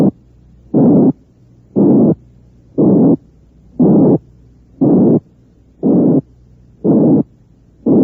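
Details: Simulated harsh ejection murmur built from a 180–460 cycle frequency band, the rough murmur of aortic or pulmonary stenosis; bursts repeat about 59 times a minute.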